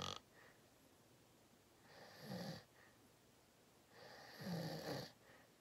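Two loud, rattling inhaled snores with quiet pauses between, about one every three seconds; deep snoring during sleep.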